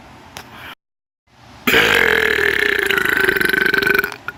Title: Burp compilation #4